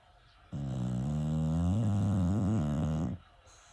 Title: Opie Snoring